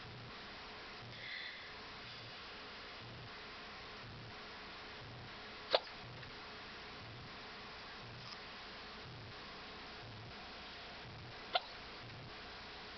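Two sharp, brief clicks about six seconds apart, with a fainter one between, over steady background hiss: hiccups.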